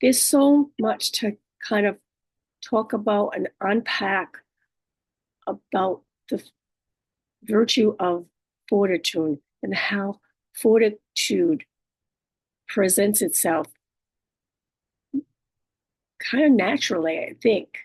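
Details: Adult female with aphasia, apraxia of speech and dysarthria after a stroke, with right-sided hemiparesis. Aphasia with apraxia of speech and dysarthria.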